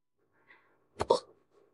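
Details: Woman hiccuping right after drinking a can of beer, in a role-play recording labelled AI: a single sharp, abrupt catch of breath with a short voiced click; hiccup.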